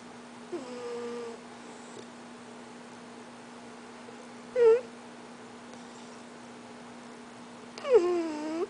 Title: Porkchop making cute snoring sound